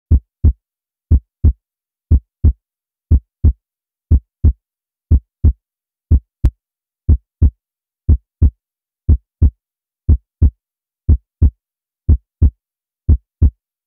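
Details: Own heartbeat heard inside an anechoic chamber: regular paired low thumps at about 60 beats a minute, a steady normal heartbeat in deep silence.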